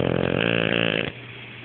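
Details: Wasabi, during a snoring recording: one loud, low, rattling burst about a second long, then quiet; a single burp-like belch.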